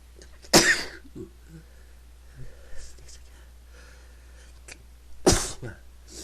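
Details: Repeated sneezing that can't be stopped: two loud explosive sneezes about five seconds apart, with quiet breathing between.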